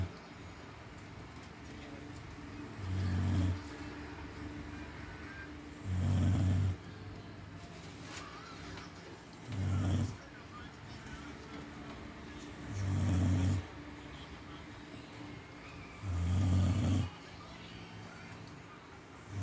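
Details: Deep, regular snores of about 18 a minute, each a low, rumbling inhalation separated by quiet pauses; ordinary sleep snoring.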